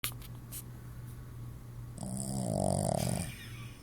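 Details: Dog named Lucy snoring: a single low, rumbling, growl-like snore after a faint noisy start.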